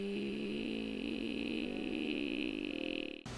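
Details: Hoarse voice at lowest pitch in an adult female teacher and public speaker with hoarseness, recorded during a vocal capabilities test battery.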